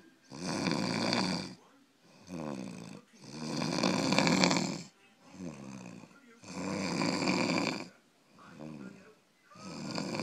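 Loud, rough, rattling snores on each in-breath with softer out-breaths, about 20 breaths a minute: snoring.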